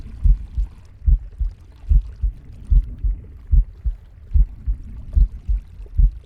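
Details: Pig's heartbeat, breathing and stomach growling: regular low paired thumps at about 73/min with a soft rushing noise between them.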